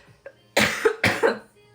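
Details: Cough.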